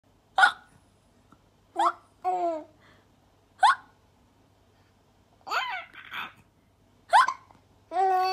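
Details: A 4-month-old baby hiccuping: brief, sharp hiccup sounds repeating about every one and a half seconds, mixed with soft babbling; infant hiccups.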